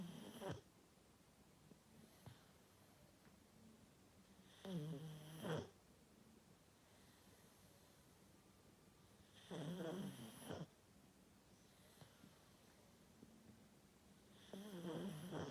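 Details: Sleeping pug snoring: loud rattling snores at about 12 breaths a minute with quiet breathing between, typical flat-faced dog snoring.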